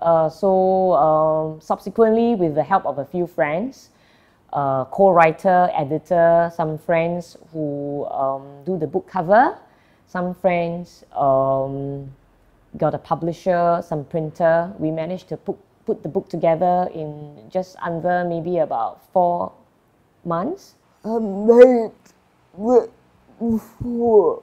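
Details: Adult speaker; normal conversational speech.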